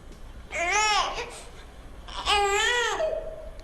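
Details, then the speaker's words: Newborn baby's hunger cry, demonstrated by an obstetric nurse: two short rising-falling cries with a brief pause, an ordinary hunger cry, not the exaggerated cry of a baby fed too late. "né e é um choro da fome e não do tô morrendo de fome né quando a gente passa da hora aí já é um choro morto exacerbado"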